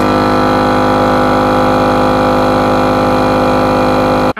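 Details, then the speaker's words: Louder older conventional compressor nebulizer running, played for comparison with a quiet portable nebulizer: loud, steady mechanical hum and buzz of a running motor, noticeably noisy. "so quiet you really can barely hear it it's just like this little sound of mist"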